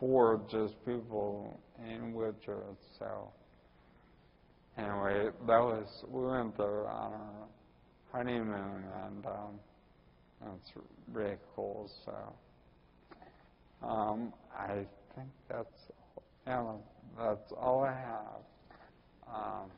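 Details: Ataxic dysarthria in a 41-year-old man with Friedreich's ataxia, diagnosed at almost age 20.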